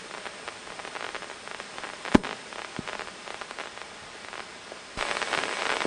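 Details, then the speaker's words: Rapid, irregular crackling pops over a hiss: amplified firing of a single isolated neuron, recorded by microelectrode in an awake patient during deep brain stimulation surgery to map electrode position. "so this is the uh the activity of a single neuron that's isolated and we can record these much better with patients awake with their eyes open than we can for instance if they're asleep and under general anesthesia"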